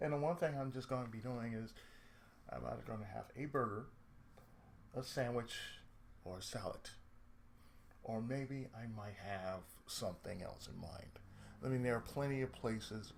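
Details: Adult man with cerebral palsy, who reports speech problems since childhood and a lisp at times; speech affected by cerebral palsy.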